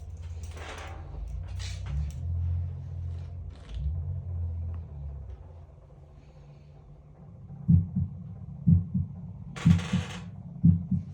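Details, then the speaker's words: Clinic heart check of an adult male patient by stethoscope: some stethoscope rubbing, then steady paired lub-dub heart sounds near 60 beats a minute; S1 and S2 judged normal, valves closing normally, patient healthy; normal heart sounds. "so mhm so as I can hear the S1 sound love of the r AV volum the close normal that's a du sound S2 so SV sound it close normally too so all it you look perfect healthy"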